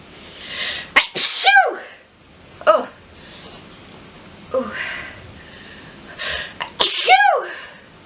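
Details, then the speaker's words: Woman sneezing after sniffing pepper-dusted flowers: about four sharp, explosive sneezes in a run, most with a quick in-breath first; induced sneezes. "gonna give it one more guy let's see what we can get oh i'm gonna sneeze"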